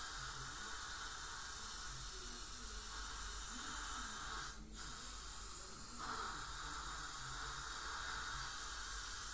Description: Let's watch a teeth cleaning at the dentist - which might be a scaling in the presence of gingival inflammation or a full mouth debridement - but regardless - it's a teeth cleaning on a patient with heavy plaque and tartar buildup and it's super satisfying to watch the scaling